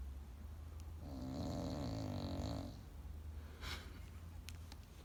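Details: Loud rattling inspiratory snore with quiet breathing either side from Chloe, a sleeping bulldog puppy with a flat-faced airway; snoring.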